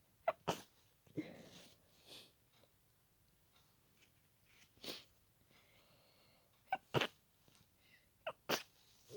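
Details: Adult trying to stay quiet in a shared room at night: several short, muffled sneezes with soft breaths and sniffs between them, after increasing nose tickle; fit of stifled sneezes.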